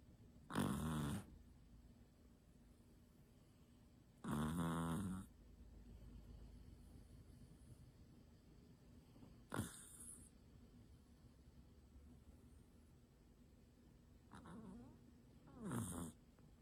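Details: Dog snoring: loud, rumbling snores about every four seconds with a short snort between them; ordinary snoring.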